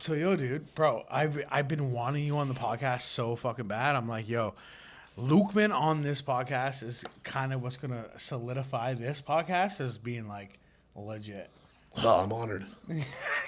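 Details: Adult men talking; normal conversational speech.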